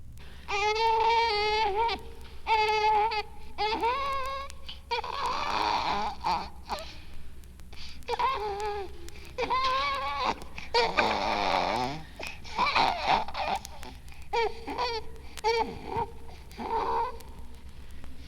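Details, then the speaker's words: An infant girl with a vascular ring, angry and crying as loudly as she can, yet the cry stays thin, muted and soft: tracheal and oesophageal compression obstructing expiration. "Infants with a vascular ring may have a soft cry because the esophagus and the trachea are compressed causing maximal obstruction to expiration. This recording was made when the infant with a vascular ring was angry and crying as loudly as she possibly could."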